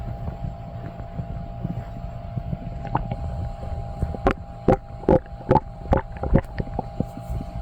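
Low steady rumbling followed by a run of short, watery gurgles and squelches from the belly.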